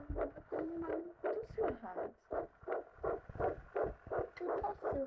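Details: Rapid, regular whooshing pulses at about 165 a minute, heard by fetal Doppler at 10 weeks of pregnancy: normal fetal heartbeat.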